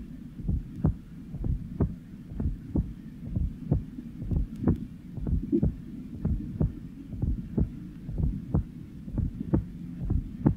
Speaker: here is an example in a 40-year-old man with systemic hypertension the low pitched atrial sound is heard shortly before the first sound and the Cadence is that of a Gallop rhythm